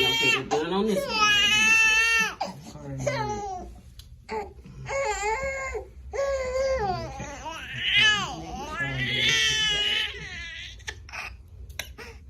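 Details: Loud, high-pitched crying in long wailing bursts with gasping pauses and soft adult voices, from a newborn boy getting his first shots in the legs: infant crying after vaccination.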